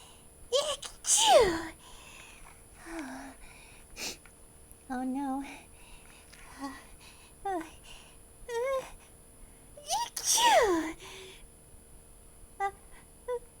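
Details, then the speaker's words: Simulated sneezing in a skit: a female voice acting a mouse character uses a high squeaky voice, drawn-out build-ups, two sharp sneeze bursts and whimpers, complaining of a tickly nose; acted sneezing imitation. "achoo! Oh, oh, oh, oh, and, uh, uh, uh, achoo! Sorry. My nose. Achoo! Very tickly."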